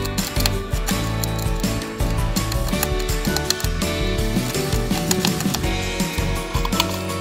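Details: Female hamster, 245 days old, grinding her incisors by gnawing in a walnut shed: irregular scraping, ratcheting clicks like a woodpecker, partly masked by loud background music.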